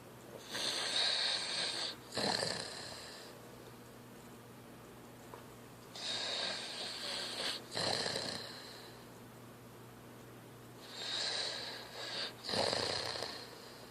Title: my Little Brother Snoring